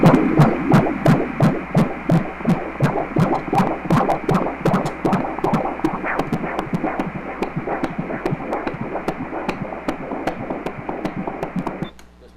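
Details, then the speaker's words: Fetal heartbeat on Doppler during a pregnancy ultrasound, with a cord loop around the baby and the mother holding her breath: fast, regular whooshing pulses at 148 a minute, normal, cord not compromising the baby. "148 latidos quiere decir que no está afectando, ese circular no está estrangulando, no está asfixiando a tu baby."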